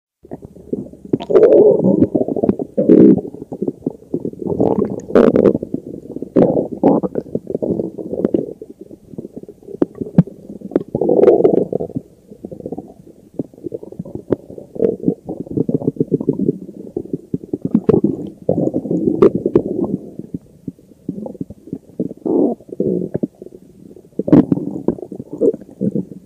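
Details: Bloated stomach growling (borborygmi): continuous low gurgling and rumbling bowel sounds from the abdomen.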